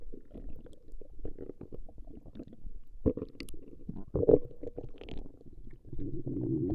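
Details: Woman records her own stomach growling in a 20-minute session: low gurgling and rumbling bubbles with a few squeaky sounds; stomach growling (borborygmi).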